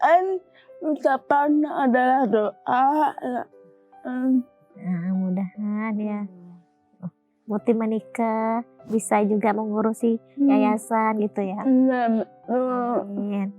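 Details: Dysarthria in a young woman with cerebral palsy present since birth; speech difficulty since childhood.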